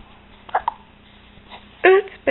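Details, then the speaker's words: Baby with several short, loud, voiced hiccups in quick succession with quiet gaps between; hiccups. "they're so loud I know I don't like jacups either goodness poor baby"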